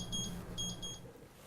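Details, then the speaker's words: Timer going off during dental sleep medicine bite registration with the Airway Metrics system: short repeated high electronic beeps over low room hum, signalling the putty has set while the patient's chin is held. "our timer has gone off we want to verify that the putty is set and it is"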